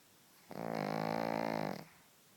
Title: Pug snores!